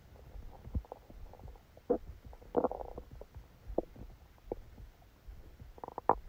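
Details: Continuous low rumbling with several louder gurgles: active bowel sounds during a stomachache after Christmas dinner, recorded while the person was sleeping.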